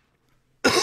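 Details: A quiet pause, then one abrupt, harsh cough burst that cuts off at the end, from an adult male on a livestream; he mentions recent illness spreading through his household.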